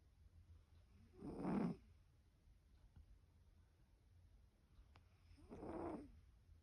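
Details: Sleeping cat snoring: two soft, raspy snoring breaths about four seconds apart over quiet room hum.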